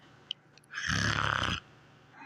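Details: Television puppet show (Fraggle Rock) character snoring: a single rough, rattling snore lasting about a second.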